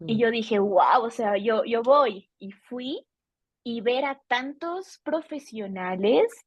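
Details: Adult woman, a Bolivian speech therapist specializing in stuttering, who has stuttered since age 4 and noticed it around ages 5–7; stuttering.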